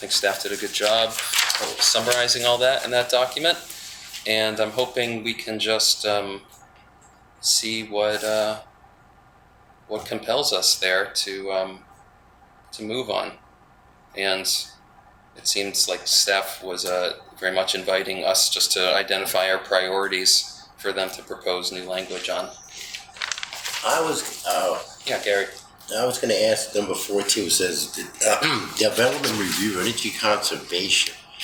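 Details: Adult man with spasmodic dysphonia, which he calls basically localized epilepsy; he links his voice problem to his ski-industry years and a cliff fall at the U.S. Extreme Ski Championships that left his throat 'gunked up'; spasmodic dysphonia.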